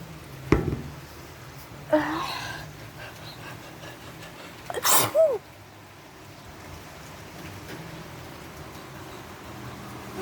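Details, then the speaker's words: Single sneeze in a quiet room, set off by deliberately sniffing porch flowers the person is allergic to. "i don't know why she put them there when she knew i was allergic to flowers but you know i'm gonna take a sniff and i'm gonna sneeze for you guys"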